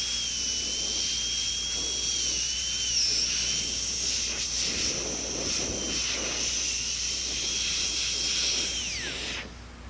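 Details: Steady high-pitched whine of a high-speed dental drill, wavering slightly and winding down at the end, as line angles are rounded on a maxillary second premolar prepared for a porcelain-fused-to-gold veneer.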